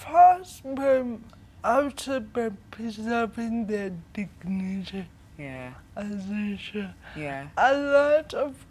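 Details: 25-year-old woman with cerebral palsy from brain damage due to lack of oxygen at birth during her mother's prolonged labour, affecting leg and hand movement, coordination and speech; dysarthria (cerebral palsy).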